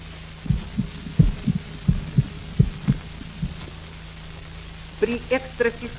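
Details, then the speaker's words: Extrasystole recorded on a 78 rpm medical encyclopedia disc: premature heart contraction with extrasystolic sounds following normal beats and a weakened first sound, giving an uneven rhythm. "экстрасистола - это преждевременное сокращение сердца тоны экстрасистолы слышны после тонов нормального сокращения сердца первый кон экстрасистолы ослаблен"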